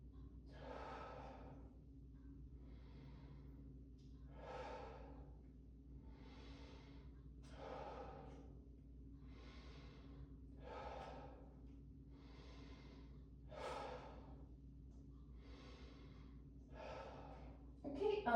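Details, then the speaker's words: Adult male standing with arms crossed over his shoulders, taking deep breaths with each stethoscope movement over the back during a student nurse practitioner respiratory exam. "I'll have you take deep breaths, which with every movement, and then we'll go through those special tests again."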